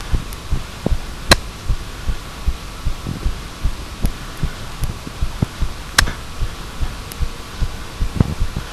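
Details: Heartbeat recorded with a microphone at adjusted volume: steady, soft, low thumps of an adult heartbeat with a faint hum and a couple of handling clicks.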